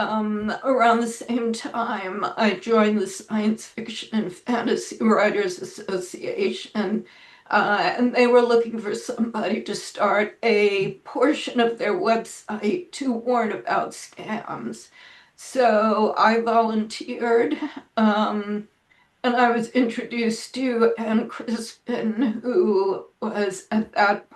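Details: Adult woman with self-reported spasmodic dysphonia, which she says causes her voice to sound this way; severity varies day to day, and she describes this as not a particularly good day; spasmodic dysphonia.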